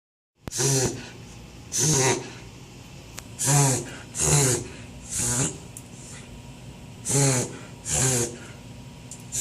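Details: Reverse sneezing in Indie, a small female Beagle: about seven loud, rapid, snorting inward breaths in a run.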